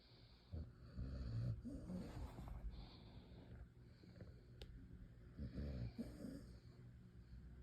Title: Snoring Dog